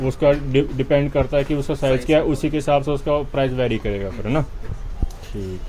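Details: Adult man speaking Hindi; Normal speech.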